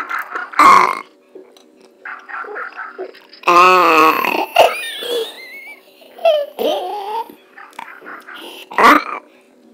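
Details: Several loud, drawn-out voiced belches separated by quieter gaps, from Snowball; repeated burping.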